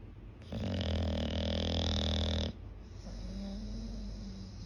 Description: Listen to the sound of this English bulldog snores like hooman.